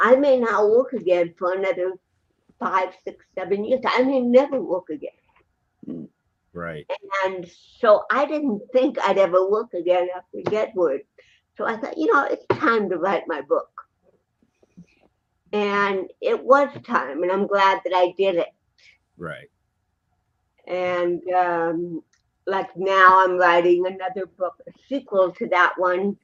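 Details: Adult woman, an actress and comedian, born with cerebral palsy in 1956; dysarthria due to cerebral palsy.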